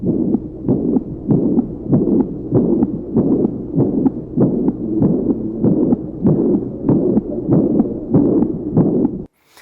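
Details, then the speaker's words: Regular heartbeat near 97 a minute with a continuous blowing murmur filling the gap between beats, a classic murmur presented for cardiac auscultation teaching: mitral regurgitation (insufficiency) murmur. "O primeiro sopro que eu vou apresentar para vocês é um sopro clássico, que é o chamado sopro relacionado à insuficiência mitral."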